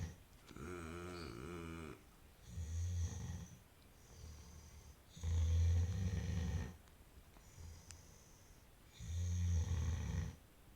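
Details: Dog snoring: deep, rattling snores recurring every few seconds, about five in the clip, in a quiet room.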